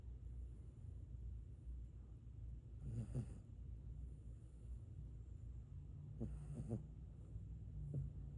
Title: Chihuahua snoring (cute)